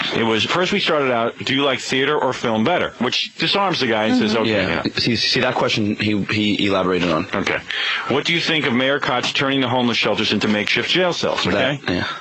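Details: Adult male speaker, radio broadcast; typical speech.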